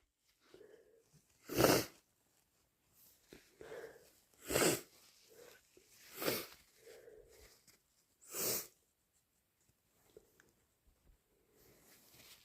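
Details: Induced sneezing: four loud, forceful sneezes spaced a few seconds apart, each preceded by a brief inhale, with softer nasal blowing between them.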